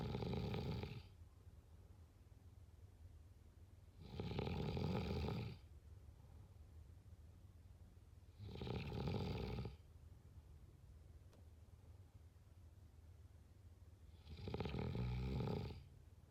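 Deep, rumbling snores on each breath in, about four over sixteen seconds, roughly 14 breaths a minute, with quiet gaps between.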